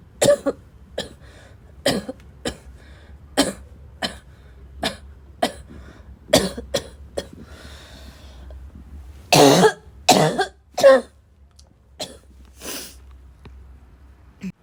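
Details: An adult has a really bad barking cough fit: a prolonged run of short, harsh bursts with several loud barking coughs and throat clearing.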